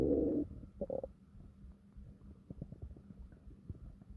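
A deep rumbling growl followed by softer gurgles and bubbling; ordinary stomach growling.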